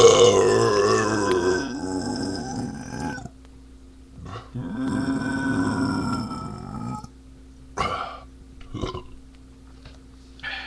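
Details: Man drinking beer and burping a lot: long, deep, rumbling voiced belches, one running about three seconds, then shorter grunting bursts; repeated burping.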